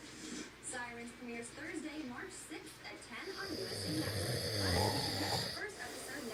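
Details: A person snoring with rough, fluttering breaths that build into a louder snort as he wakes himself up, with background sound; snoring ending in an arousal.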